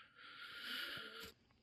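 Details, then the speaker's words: Background snoring from a sleeping dog lying in a bed nearby: a single hissy, rasping breath ending in a brief snort. "Um, yep, Cole's over there sleeping in that bed, snoring. You can probably hear him in the background over there."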